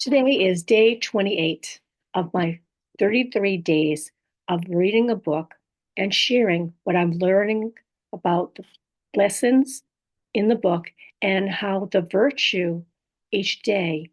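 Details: Adult woman, stroke survivor, living with apraxia of speech, dysarthria, aphasia and other communication disorders; she says her speech can be hard to understand; aphasia with apraxia of speech and dysarthria.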